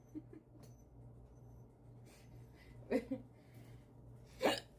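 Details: Two short, abrupt catching sounds about a second and a half apart over a low room hum, from adults joking about getting the hiccups: hiccups.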